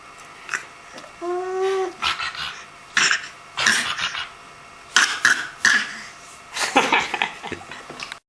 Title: more cough talk